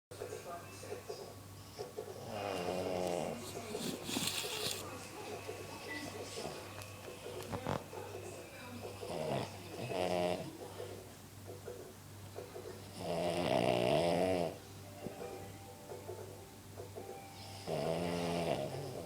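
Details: A small pet dog snoring really loudly: about 14 irregular breaths a minute with rattling snores and some room noise in the background; snoring.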